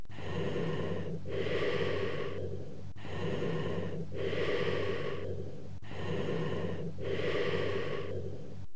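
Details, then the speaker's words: Cavernous bronchial breath sounds heard over a lung cavity: low-pitched, hollow bronchial breathing with prolonged expiration and a pause between inspiration and expiration. "Cavernous type of bronchial breath sounds heard over a cavity. Note the low pitch of the bronchial sounds."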